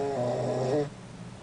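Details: Sleeping cat snoring relentlessly through the evening: a single low, buzzing tonal snore on one breath, then quiet room noise; snoring.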